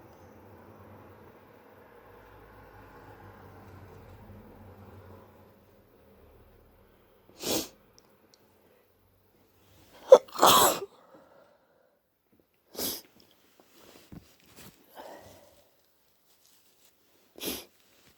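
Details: Hayfever with an early cold, sore throat, stuffy blocked nose, itchiness and mouth breathing: several brief, sharp explosive sneezes with a wet, snotty nose blow in the middle.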